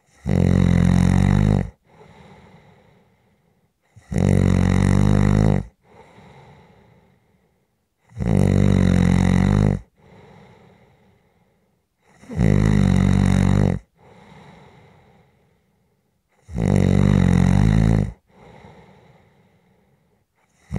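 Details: Loud, rattling snores on each in-breath, each followed by a softer breath out, about 14 breaths a minute; steady heavy sleep snoring from a relaxation/white-noise recording.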